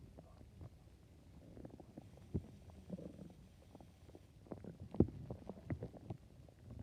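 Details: Low, quiet rumbling and gurgling with a few louder pops: the person's own ordinary stomach growling.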